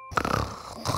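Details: Adult heavy snoring, loud enough to be heard through walls and disrupting a partner's sleep: a loud, rough, rattling breath sound during sleep; snoring.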